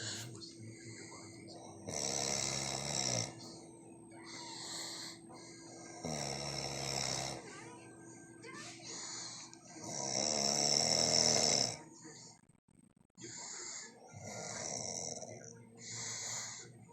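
Loud, harsh rattling snores on each breath in, with quieter breaths between; heavy snoring.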